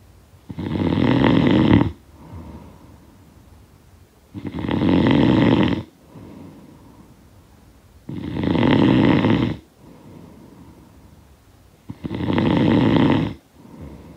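Loud rattling snores on each in-breath, about 4 in 14 seconds, with quieter out-breaths between.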